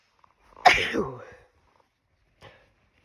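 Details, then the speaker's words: One loud, harsh, voiced sneeze with a sharp onset and trailing voice, then a faint short sound in a quiet room; a deliberately induced sneeze after exposure to pet-shop bedding dust, rough enough to make the throat sore. "God, these are just tearing through me."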